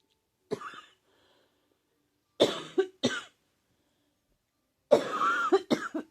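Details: An adult diagnosed with pneumonia by doctors, feeling unwell, has three bouts of harsh, moist, painful coughing with a faint whistling tone in the last: wet cough with possible wheeze.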